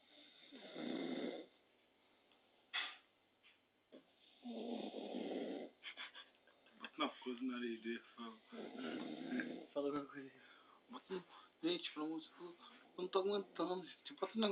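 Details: Man snoring, keeping others awake: three rough, rattling snores about four seconds apart, with talking in the background between them; snoring.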